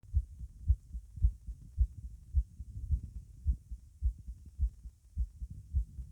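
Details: Normal heart sounds at the mitral area with the subject standing: regular low paired beats at about 107 a minute.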